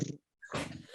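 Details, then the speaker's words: Pet dog Maui lying asleep with his head beside a computer, making two short, rough, snorting noises separated by a brief pause: snoring. "no it's Maui he's just laying in his head right here and it's next computer and he's snoring I'm like I wonder if they can hear that"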